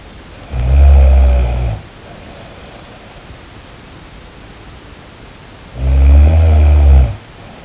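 Two loud, low, rattling snores about five seconds apart, roughly 11 breaths a minute, with quiet breathing between them.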